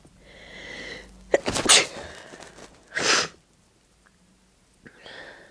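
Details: Two strong, forceful, wet sneezes, each preceded by a brief inhaled build-up, induced with a clothes tag; nose still tickly afterwards.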